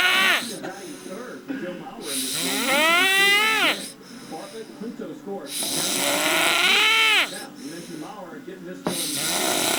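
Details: Loud, rough, rattling snores rising and falling about 18 per minute, some with a whistly voiced edge, from an adult man napping; snoring.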